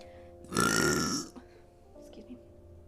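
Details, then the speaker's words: A woman who says she burps a lot gives one loud, drawn-out burp lasting under a second, followed by quiet room sound and faint background music. "also i burp a lot headphone warning excuse me"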